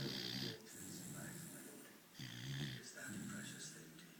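Rough, rattling snore sounds from a sleeping dog, in roughly two-second breaths, over noisy background.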